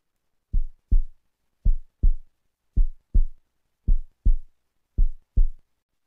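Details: Paired low whooshing pulses about 27 per minute: colour flow and CW Doppler through a perimembranous ventricular septal defect, parasternal short-axis echocardiogram view.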